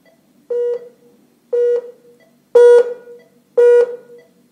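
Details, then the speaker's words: Four short electronic alarm beeps about one second apart while the alarm volume is adjusted on a Philips Avalon FM20 fetal heart rate (NST) monitor during a demo; monitor alarm tone. "and this is the alarm volume"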